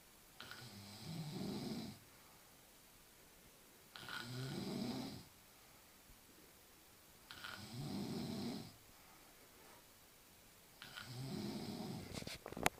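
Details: Loud snoring during sleep, likened to a volcanic eruption: four rough snores, one on each breath, about 18 breaths a minute with quiet pauses between.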